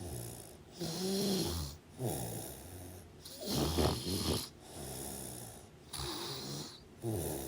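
Repeated rough, rattling breaths about 22 a minute, with hissy room noise; snoring during sleep.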